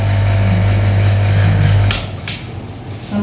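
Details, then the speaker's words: Suction machine tested before connecting a size 14 adult suction catheter during a nursing suction practical: steady low motor hum cutting off after about two seconds, faint room noise. "Tadi kan sudah diuji ya. atau kita uji-uji dulu apakah dia bisa nyedot atau tidak. Bisa ya."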